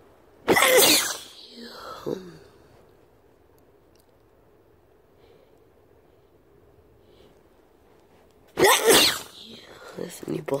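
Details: A sick person who had just sniffed some powder: two forceful, explosive sneezes several seconds apart, each followed by brief sniffing and breathy sounds in a quiet room.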